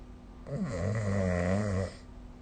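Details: Snoring during sleep recorded with the SnoreLab app: a single loud, low, rattling snore lasting about a second and a half, in a quiet room.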